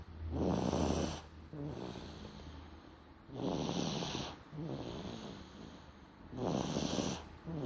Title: How a baby snores